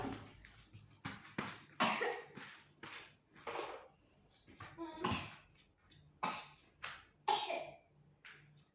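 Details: Child coughing repeatedly, about a dozen short dry coughs singly and in pairs in a quiet room; family says the child keeps coughing and asks a sibling to bring water.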